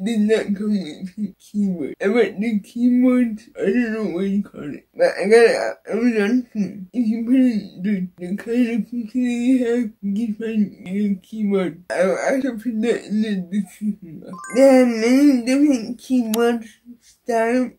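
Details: Adult woman with cerebral palsy and a disability; dysarthric speech in cerebral palsy, no specific speech disorder named.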